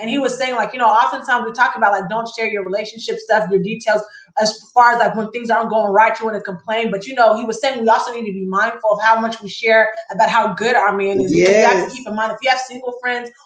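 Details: Adult woman speaking; Normal speech.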